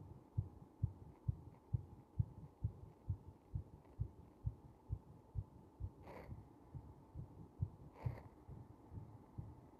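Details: Heart during compression, somewhat slow: steady, regular low thumps at roughly 65 beats a minute with faint rubbing noise; heartbeat.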